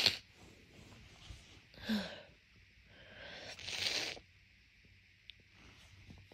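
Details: Person with allergic rhinitis during allergy season, on waking in the morning before taking medication, nose blocked for the past month: several wet, congested sneezes and nasal sniffs in a quiet room.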